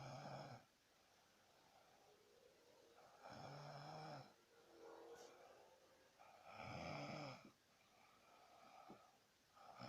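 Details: A sleeping 16-year-old boy, not usually a snorer, with his head poorly positioned gives loud rattling snores on each breath, about 19 a minute, uneven rhythm, softer breaths between; snoring stopped after repositioning his head.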